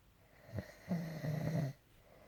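A low rattling snore on one long breath, preceded by a brief snort, in a quiet room.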